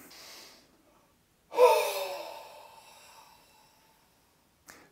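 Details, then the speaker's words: Physiotherapy demonstration of the huff cough (forced expiratory technique) for clearing stuck lung mucus: a short breath in, then one long open-mouthed breathy huff out that gradually fades. "you can also vary the technique by taking a long breath in followed by a half Huff out or take a shorter breath in followed by a long Huff out"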